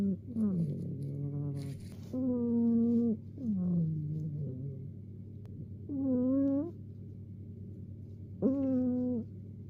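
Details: Cat napping, snoring with squeaky, whistling snores rising and falling in pitch with each breath over low room hum; snoring.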